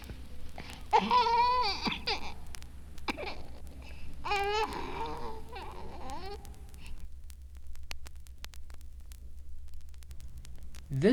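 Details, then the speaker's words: Female infant with a vascular ring compressing trachea and esophagus, angry and crying as loudly as possible, yet the cry stays soft and weak from expiratory obstruction. "Infants with a vascular ring may have a soft cry because the esophagus and the trachea are compressed causing maximal obstruction to expiration. This recording was made when the infant with a vascular ring was angry and crying as loudly as she possibly could."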